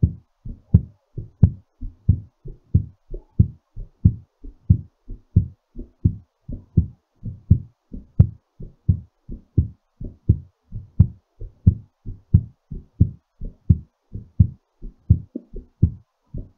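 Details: Steady, strong low thumps at about 87 beats a minute, a normal heartbeat settling after exercise.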